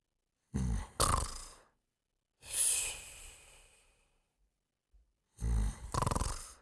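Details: Cartoon snoring sound effects, the Pink Panther sleeping: a throaty snort in, then a long whistling breath out, repeated; acted, not a real sleeper.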